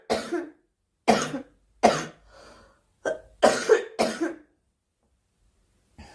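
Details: Repeated short, fairly dry coughs from a girl, about six bursts in quick groups separated by silence.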